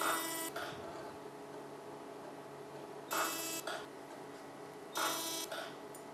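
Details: Fractional CO2 (Fraxel) laser firing pulses on a female patient's face for acne scars, pigmentation and skin rejuvenation after 35 minutes of numbing cream: three bright electronic buzz bursts with softer echoes over steady machine hum.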